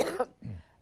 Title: Coughing Fit Compilation